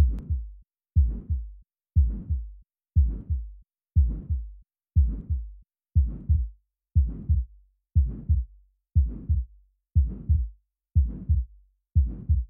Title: Aortic Stenosis - Murmur Sound & Animation